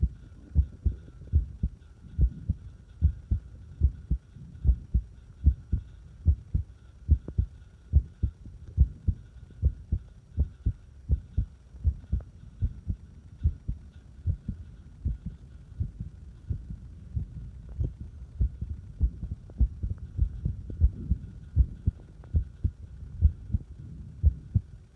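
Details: Irregular fast heartbeat: rapid, muffled heart thumps with uneven spacing and varying strength.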